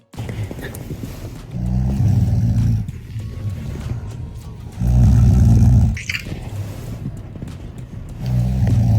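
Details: An adult woman, filmed by her husband while she sleeps during a trip to South Korea: loud, low rumbling snores recur about every three seconds, roughly 18 a minute, over background music. Snoring during sleep.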